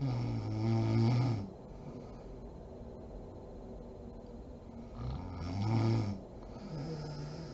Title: SNORING MOM SLEEPING ASMR SERIES PART 39